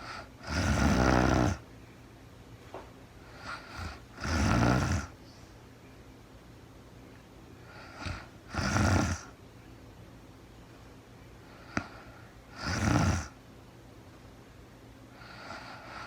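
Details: Adult woman snoring in real-time sleep: loud, rough snores on each breath, roughly every four seconds, with quiet gaps between; steady sleep snoring.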